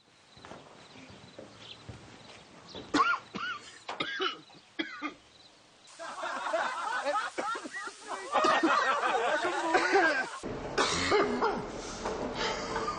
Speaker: any time your smoker's cough can become smoker with lung cancer's cough.